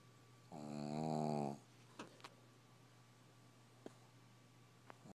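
One loud, buzzing, rattling snore on a breath in, then quiet room with a few faint clicks; typical snoring of a flat-faced dog.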